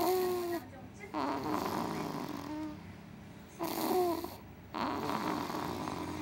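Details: Baby snoring: soft, rhythmic noisy breaths with brief squeaky tones, repeating about every three to four seconds.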